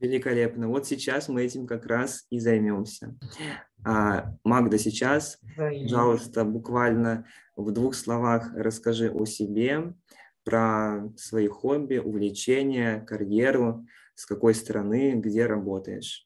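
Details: Adult male speaker (interviewer); normal speech.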